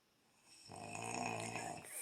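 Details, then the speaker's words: Snoring in a sleeping man near 1 a.m., likened to a freight train: a single loud, rattling, buzzy snore that swells and fades over about a second. "and it's what time what time is it almost one o'clock and i should be sleeping but i can't because i'm listening to this freight train coming through my ear in five minutes and he ain't even bunching"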